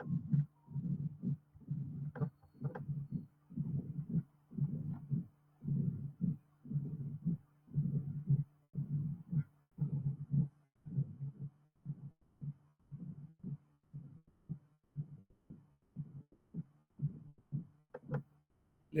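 Regular low heart sounds near 58 a minute, with a low rumble building just before each first sound: a late diastolic (presystolic) murmur.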